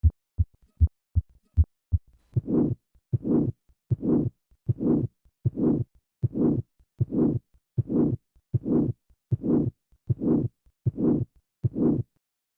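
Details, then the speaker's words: Mixed aortic valve disease (aortic stenosis/regurgitation): regular heartbeat near 78 a minute with a harsh systolic ejection murmur peaking late in systole, from turbulent flow across the stenotic aortic valve, unlike an innocent murmur. "This systolic ejection murmur reflects turbulent flow across the stenotic aortic valve. In contrast to an innocent murmur, this murmur peaks late in systole."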